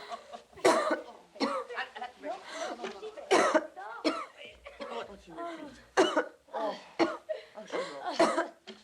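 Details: A film scene of an actress performing a simulated cough: about half a dozen harsh, voiced cough bursts with throaty, groaning vocal sounds between them.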